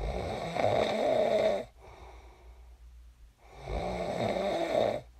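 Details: Loud vibrating snores on breathing in, each followed by a quieter breath out, roughly three-second cycles, about 20 breaths a minute, during sleep; snoring.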